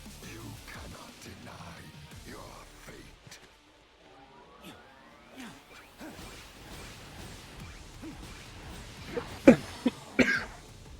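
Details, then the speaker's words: Adult gives two or three short, sharp coughs over game music and faint background sounds while playing a video game. "I do the evil voice, but as you can hear from my coughs, I'm not looking to invoke the wrath of the god of oxygen."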